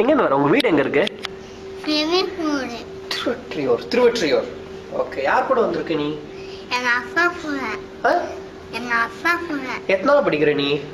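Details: Child with definite velopharyngeal dysfunction showing hypernasality, nasal air escape, nasal grimacing and articulatory errors.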